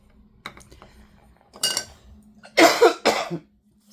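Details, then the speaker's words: Adult woman with an ongoing cough who also reports bouts of insomnia: a few quiet sniffs, then two short, harsh cough bursts in a small room. "You'll hear me cough occasionally in my videos and I'm not going to cut them out. Um it's just what is happening right now."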